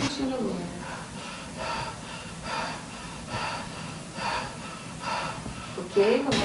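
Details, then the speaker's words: Quick, deep, audible panting breaths in a steady rhythm: voluntary hyperventilation exercise in panic disorder cognitive-behavioral therapy, patient breathing pantingly to provoke panic-like sensations (tachycardia, sweating, dizziness) for habituation. "a estratégia respiratória é composta de três partes a primeira delas é a hiperventilação a segunda o treino respiratório ea terceira respiração de e na inter instalação nós estimulamos que o paciente respire de forma ofegante"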